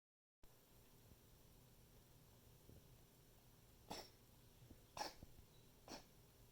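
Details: Three short, harsh coughs about a second apart from a pet over quiet room noise, during a repeat coughing fit recorded for the vet.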